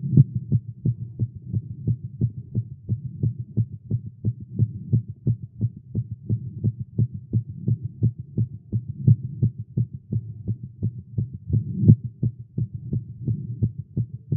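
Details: A male heartbeat recorded after exercising with caffeine, tagged as irregular and fast. There is a rapid, fairly steady thumping heartbeat at around 170 a minute over a low hum, a fast heartbeat.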